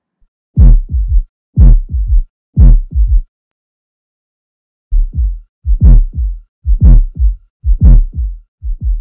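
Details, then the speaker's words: Low thudding heartbeats at about 60 per minute, each with an extra soft presystolic sound just before S1, from atrial contraction against a poorly distensible ventricle; usually pathological. Student auscultation teaching recording: fourth heart sound (S4 gallop). "menos frecuente y suele tener un significado patológico es un ruido presistólico que se escucha antes del primer normal y se debe a la vibración producida por la contracción auricular contra un ventrículo poco distensible"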